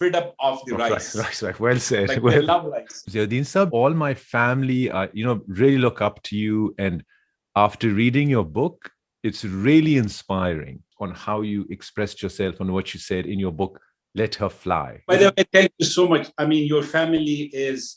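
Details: Adult man speaking; ordinary speech.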